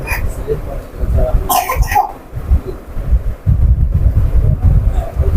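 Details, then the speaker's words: A child gives two short coughs in quick succession against heavy low wind or engine rumble; cough. "ওনার এই যে বাচ্চার কাশির শব্দটা সারা পৃথিবী ঘুরবে।"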